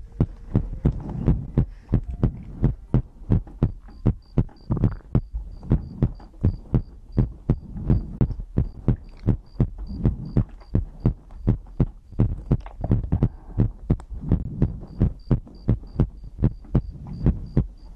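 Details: Own heartbeat recorded as ASMR for sleep: steady, deep thumping at about 80 beats a minute with a soft hum behind it; regular heart rhythm, normal heartbeat.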